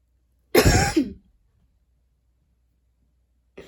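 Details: Coughing while studying, recorded last week: a single harsh, forceful adult cough with a short throat-clearing tail, then quiet.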